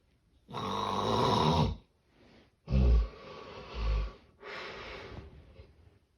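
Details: Loud, rough snores with harsh snorting bursts and irregular pattern during sleep, illustrating severe sleep apnea snoring with obstructed breathing.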